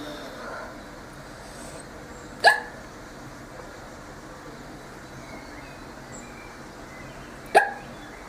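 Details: Girl hiccuping: two sharp, brief hiccups about five seconds apart over quiet room noise; ordinary hiccups.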